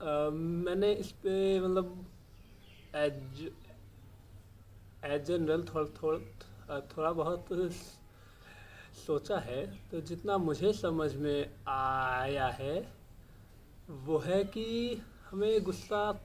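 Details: Adult male speaking Hindi; stammering.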